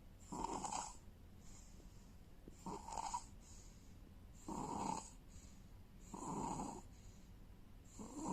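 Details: Sleeping newborns: soft, rhythmic snoring, roughly 33 noisy breaths a minute, alternating stronger and fainter, over quiet room noise.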